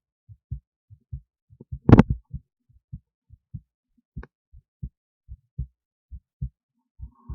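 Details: Own heartbeat recorded via esophageal stethoscope resting near the heart, with EKG: steady paired lub-dub beats about 95 a minute, one brief knock partway; normal heart sounds.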